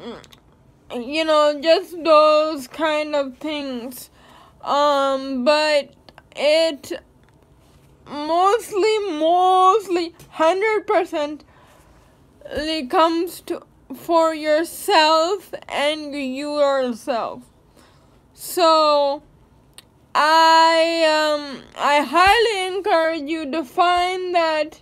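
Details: Young woman with cerebral palsy speaking; her speech is likely affected by the condition; dysarthria (cerebral palsy).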